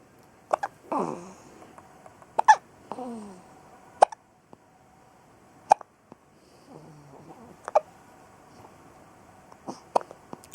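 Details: Hiccups in a boy, recorded April 19, 2014: repeated short, abrupt catching sounds at irregular intervals, some followed by brief voiced sighs.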